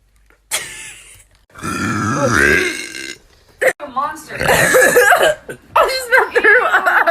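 Several loud, drawn-out voiced belches separated by short pauses; burping.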